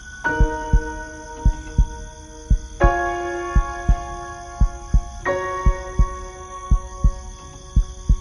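Soft paired heartbeat thumps, about 57 a minute, under slow piano music; steady regular rhythm.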